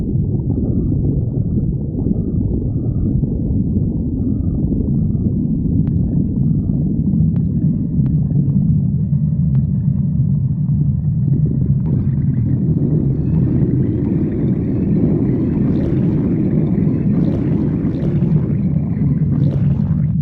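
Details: Continuous low rumbling and gurgling from the belly: ordinary stomach growling.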